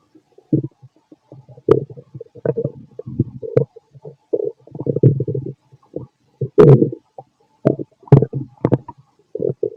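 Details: Fit adult male's stomach recorded with a stethoscope after lunch and a carton of milk; frequent low gurgles and rumbling squelches in irregular bursts; active bowel sounds, stomach growling.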